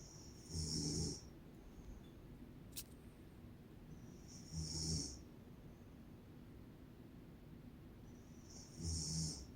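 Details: Mother snoring: loud rattling snores about every four seconds, each ending in a hissing outbreath, over a quiet room; ordinary snoring.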